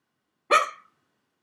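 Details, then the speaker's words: Adult's first hiccups since before surgery: a single abrupt, sharp-onset voiced gulp fading within a fraction of a second; hiccup. "so it's my first time since surgery I haven't had it since I haven't had hiccups since before surgery and it's like they're so weird"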